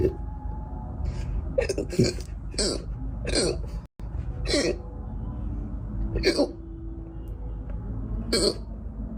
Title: Gassy hiccups